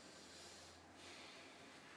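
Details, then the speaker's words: Healthy adult during a practice physical exam, during auscultation of breath sounds at eight positions on the back: a soft, airy deep breath drawn in and let out. "So please take a deep breath for"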